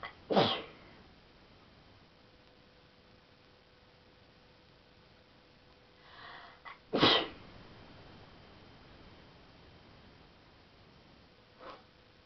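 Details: Two sharp, explosive sneezes with a short in-breath before the second, then a faint third burst; ordinary sneezing.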